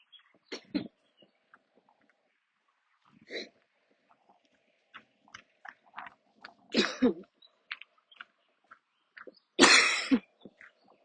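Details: Repeated cough bursts with throat clearing and some louder harsh coughs, over faint outdoor noise: a coughing attack during a walk. The person usually has to stop and sit or kneel during attacks but kept walking.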